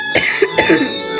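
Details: Two short, light coughs from an adult woman, a K-pop idol who says she may be a little sick, over background music.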